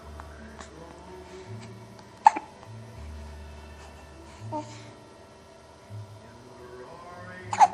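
Two sharp, abrupt hiccup sounds several seconds apart, with music and soft voice sounds in the background.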